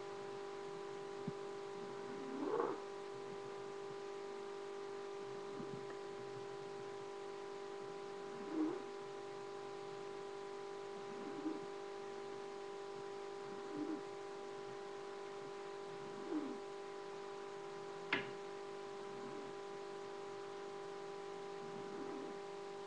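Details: Cat napping and snoring: soft, regular snores about 22 per minute over a steady room hum.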